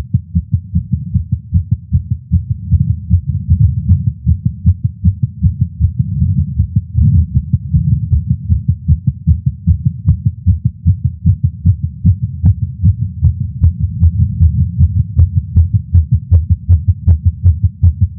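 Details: A man's heartbeat through a stethoscope while smoking a cigar, feeling lightheaded after not smoking for a while: rapid, regular beats at roughly 150 per minute, a nicotine-related racing heart.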